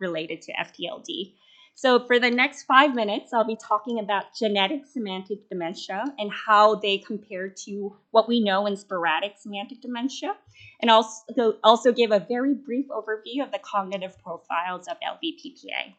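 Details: Adult woman speaking; plain speech.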